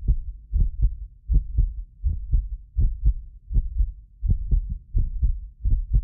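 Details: Heartbeat of a self-described medically fit person, recorded with several precision contact microphones: regular paired sounds at about 80 a minute; occasional doubled clicks are a multi-microphone delay artifact. Normal heart sounds.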